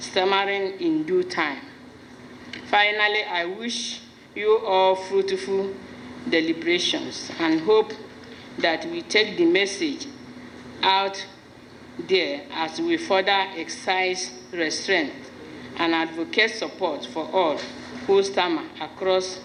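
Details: Adult woman speaking; normal speech.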